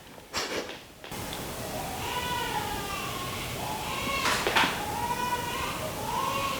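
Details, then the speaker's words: Newborn baby crying in another room, heard faintly over low room noise: rhythmic wailing cries. "今聞こえてるかわからないですけど泣き声聞こえますか？今オッパが私撮影してる間赤ちゃんを見てますけど多分汗かいてると思います"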